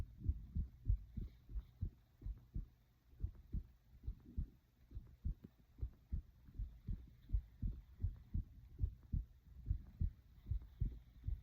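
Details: Own heartbeat: steady paired heart thumps at roughly 95 beats a minute, with faint breathing and stomach noises underneath; heartbeat.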